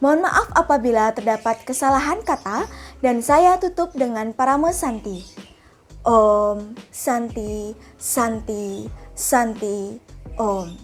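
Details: Adult female speaker; ordinary speech.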